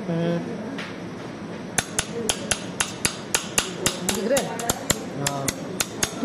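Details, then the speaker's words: Repeated sharp metallic taps over background hum as a mallet drives a chisel into mandibular bone in lingual split technique surgical extraction of an impacted mandibular third molar, patient's fist held below the mandible. "so remember one thing in case of chisel mallet technique you need to ask the person to make a fist and hold it below the inferior border of the mandible on the operated side"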